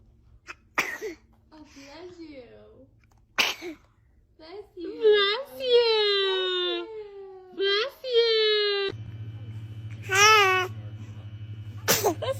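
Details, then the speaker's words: Baby, a dramatic sneezer: several short, sharp sneezes between small whimpering cries and babbling, with adult voices saying bless you and background music. "baby is a dramatic sneezer check how far they caught it"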